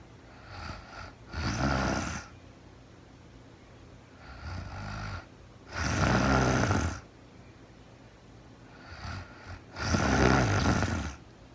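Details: Real-time recording of a woman asleep at night, no talking, very tired: three loud, rattling snores on breathing in, each with a softer lead-in, about 14 breaths a minute; snoring.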